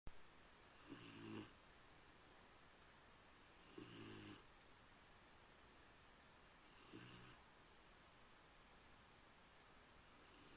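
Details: Female Jindo dog sleeping in bed, snoring very quietly: soft, regular snores about every three seconds, near 20 breaths a minute, with a faint whistle on each; snoring.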